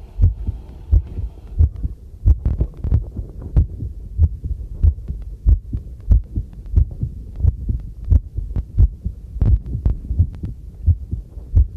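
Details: Own heartbeat, recorded on the first trial of a new homemade field stethoscope microphone during housework: steady low lub-dub at about 90 per minute, with faint clinking and handling noise behind; a normal heartbeat.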